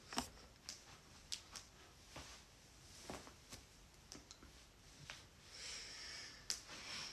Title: joint cracking compilation